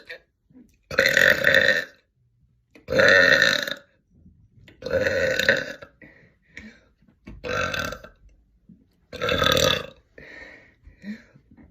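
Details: Deliberate air-swallowing belches during an attempt to burp continuously for one minute: about five loud belches roughly every two seconds, with small gulping sounds between them.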